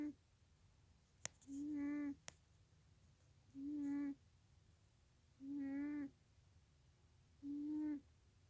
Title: cat snoring